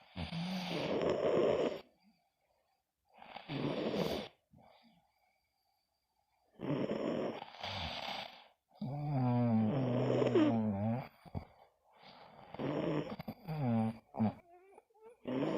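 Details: Sleeping subjects snoring: loud rattling snores with a throaty, vibrating quality, each breath separated by quiet pauses; ordinary snoring during sleep.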